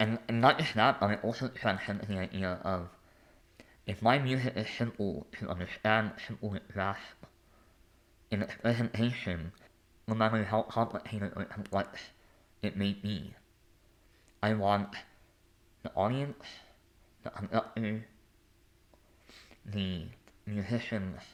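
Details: Adult male artist and conductor with a lifelong speech impediment; disfluent speech; speech impediment.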